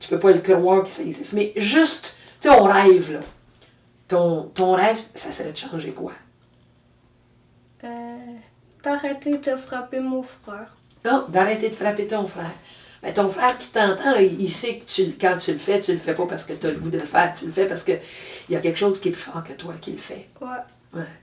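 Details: Adult woman speaking French; normal speech.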